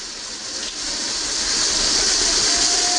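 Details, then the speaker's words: Airflow during the circuit leakage test of a bellavista ventilator checkout procedure, which checks that the circuit has no leak and no ventilation volume is lost. "The leakage test ensures that the circuit has no leakage and that no ventilation volume is lost."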